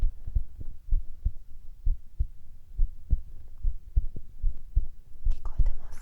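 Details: Male ASMR recording of a normal heartbeat: regular soft low thumps, about 80 a minute, with faint whispering and rustling near the end.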